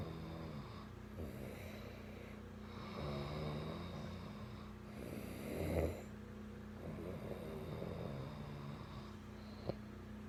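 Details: Recorded February 2018: low, rumbling snores over a steady background hum, with one louder snorting breath midway; ordinary snoring.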